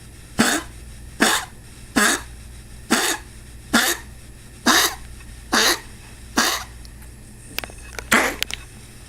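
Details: Dog coughing, recorded 2 February 2019: a run of about eight harsh, dry coughs in quick succession, then a few softer hacking sounds.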